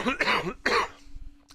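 Two short, sharp coughs from an adult, followed by quiet room noise with a faint steady hum.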